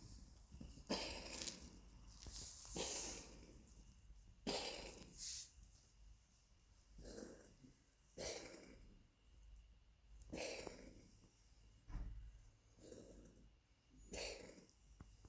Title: Кашель у Ласки